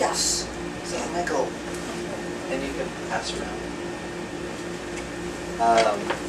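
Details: Male retired pediatrician with aphasia after a left-hemisphere stroke from a torn carotid artery in 2014; right-side paralysis recovered; his words are slowly returning with speech therapy; aphasia.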